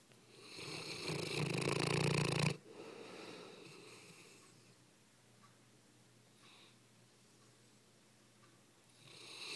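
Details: An English mastiff napping: a loud, harsh, rattling snore for about two seconds that stops abruptly, then quieter breathing and another building snore; heavy snoring.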